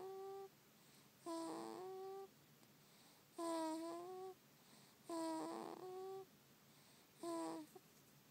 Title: SNORING BABY (-;